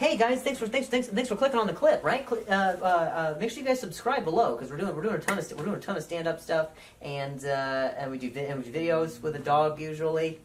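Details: Adult male comedian who stutters, with repetitions of words and phrases during stand-up; stuttering.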